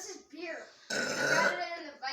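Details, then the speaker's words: Friends deliberately burping after drinking soda (Mountain Dew) on cue: one loud, rough belch lasting about half a second between bits of talk. "okay start drinking your thing and start burping ready set go nice okay wait wait drink the soda dude drink the soda drink the soda so proud of you the burping crew wait drink some more mountain dew the perfect burping"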